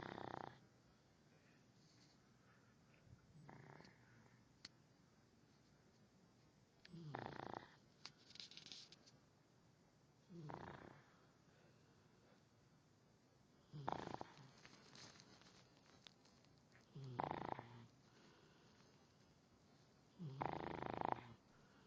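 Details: Tired, sleepy dog snoring loudly while asleep: soft rasping snores recurring every three to four seconds, about 17 breaths a minute, in a quiet room.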